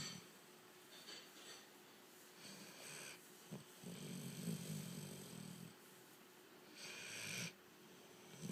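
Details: A dog sleeping: soft, rough breathing with a few louder snoring breaths and some hissy exhalations against room noise; light dog snoring.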